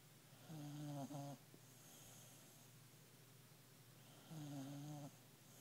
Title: Bailey the dog snoring